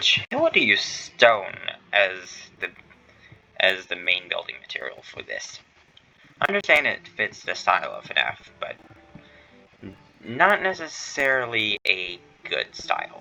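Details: Stuttering in a male streamer who says he stutters, worse while streaming, on his first stream; includes phrase repetition ('next we need to').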